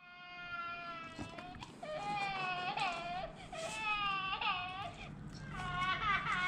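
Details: Sustained high-pitched wails in repeated bursts from a baby in a stroller, recorded during a dog-training socialization session: infant crying.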